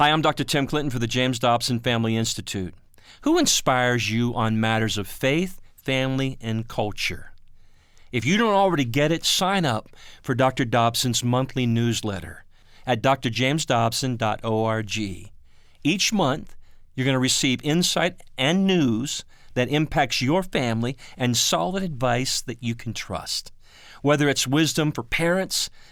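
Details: Adult male announcer; normal speech.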